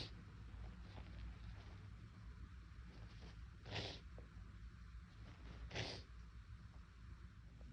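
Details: Deliberately induced sneezing on a day the nose felt unusually sensitive and itchy, in someone who normally sneezes little: two sharp sneezes about two seconds apart over a low room hum.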